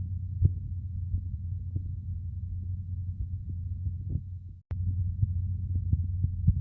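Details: Korotkoff sounds as heard while measuring blood pressure; headphones recommended for listening.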